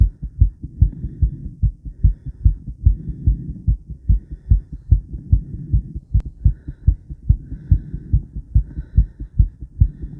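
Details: Woman's heartbeat recorded around 50 squats, with blood pressure taken: regular, strong low thumps at about 145 a minute; a fast but normal heartbeat, as after exercise.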